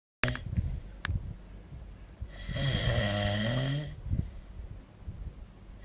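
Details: One long, loud, rattling snore on an in-breath, with rustling and room noise; a person snoring, recorded in Benidorm in 2009.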